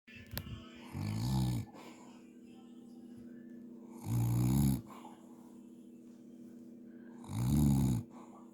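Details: Adult man (uncle) snoring while asleep at New Year: deep, rattling snores on the in-breath, about three in eight seconds with quiet pauses, faint room hum.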